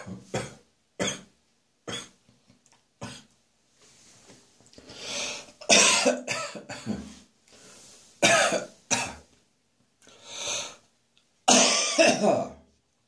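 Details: Adult's rough morning cough after a night of drinking beer: a run of harsh coughs, then strained gagging and retching with short breaths between; cough with gagging.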